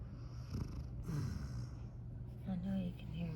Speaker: This is Huey. Sitting over here snoring. And he always gets his tongue sticking out just a little bit.